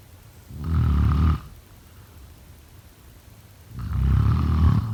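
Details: Snoring: two deep, rattling snores on breathing in, separated by a quiet pause, at about 19 breaths a minute.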